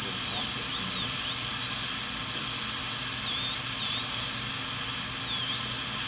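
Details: Continuous high-pitched whine of a high-speed dental drill, with brief pitch dips as it cuts, during rough reduction for porcelain veneers with lingual chamfer margins on teeth #7 and #8, checked against a reduction guide.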